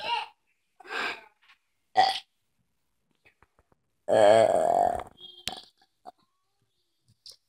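Several short voiced belches and one long, loud drawn-out belch, with quiet gaps between them.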